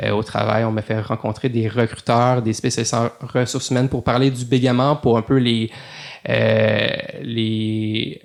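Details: Adult male lawyer who stutters, speaking French in a podcast interview; stuttering.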